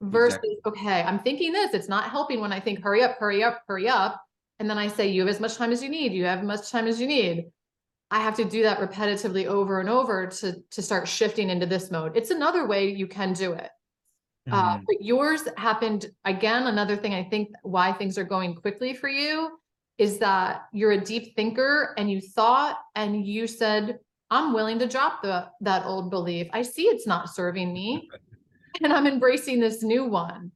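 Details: Adult female speaker; typical speech.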